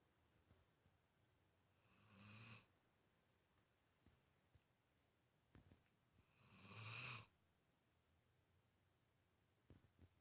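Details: Two soft, rough breathing noises a few seconds apart from a sleeping Guinness, faint clicks in a quiet room; light snoring.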